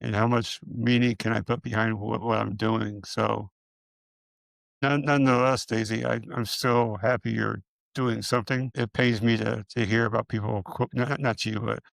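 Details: Man with multiple system atrophy, parkinsonian type (MSA-P), who reports his speech has more of a stutter and tremor, more noticeable after the first two minutes; dysarthria in multiple system atrophy.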